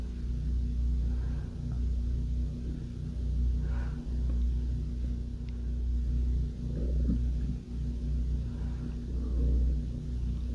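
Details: Hunger-related stomach growling: deep, continuous abdominal rumbling with occasional gurgles; normal bowel sounds (borborygmi).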